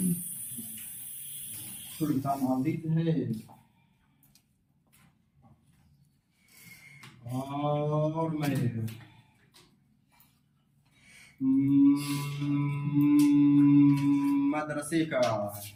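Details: Male madrasa teacher who stammers introduces himself at a stuttering seminar using the breathing and prolongation techniques he learned there. Stuttering with fluency-shaping (prolonged speech).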